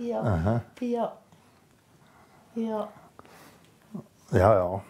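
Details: Non-fluent aphasia with recurring utterance in a woman about one year after a stroke that severely damaged her language centre; she can communicate only with yes and no.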